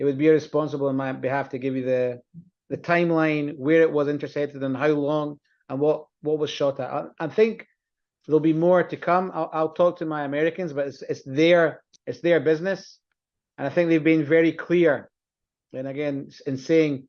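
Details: Adult male speaker; Normal speech.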